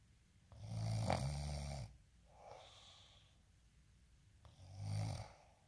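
Two loud, deep, rattling inward snores about four seconds apart, with a soft breath out between them: ordinary heavy snoring.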